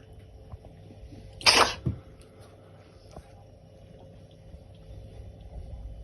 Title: Gosha is Sneezing : Big Floppa #caracal